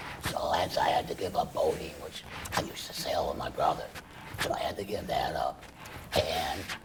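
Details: Adult male laryngeal cancer survivor after chemoradiation then total laryngectomy, breathing through a stoma, speaking with a tracheoesophageal puncture voice prosthesis; tracheoesophageal speech after total laryngectomy.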